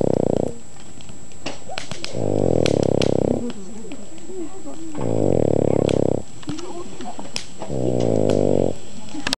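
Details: Boston Terrier sleeping on a lap in front of a campfire, snoring: loud, rattling snores about every three seconds, each over a second long, with quieter breathing between and light outdoor background.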